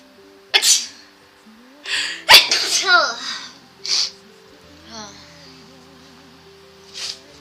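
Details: Several sharp, explosive sneezes in quick succession from a young Asian woman, in a sneeze compilation, with soft background music and talk; sneezing.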